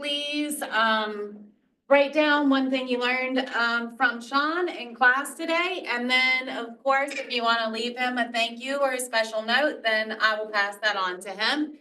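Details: Adult woman speaking; normal speech.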